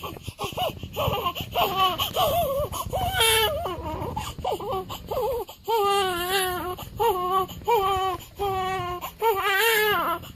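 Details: Day-7 newborn baby: repeated rhythmic wailing cries with short breaths between them; an ordinary, normal infant cry.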